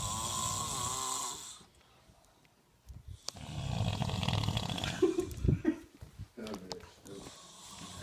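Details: Snoring: rough, rattling breathing in a quiet room, with several irregular snoring bursts and brief quieter gaps.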